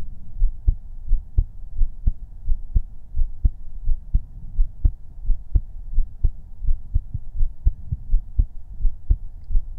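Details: Heartbeat recorded with a 3Dio binaural microphone for ASMR relaxation: steady low thumps at about 86 beats per minute, faint background hum, no talking; normal heartbeat.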